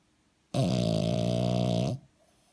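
A single loud, deep, buzzing honk lasting over a second, then quiet. This is a snore from a flat-faced dog.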